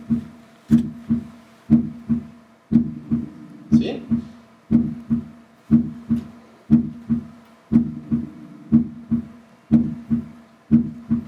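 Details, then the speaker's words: Normal heart sounds on the Harvey cardiology simulator: crisp paired S1 (atrioventricular valve closure) and S2 (aortic and pulmonary valve closure) at about 60 beats a minute, with faint room hum. "al cierre de las válvulas auriculoventricular es se le conoce como ese 1 y al cierre de las válvulas aórticas pulmonar se desconoce como así vamos a escuchar"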